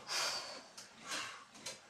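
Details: Several short, forceful noisy breaths through the nose in quick succession, like snorts, from a person lying face down during manual therapy pressure and rocking thrusts on the back.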